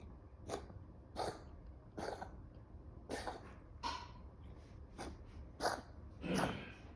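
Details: A dog gives a run of about eight short, harsh cough bursts in quick succession; dog coughing.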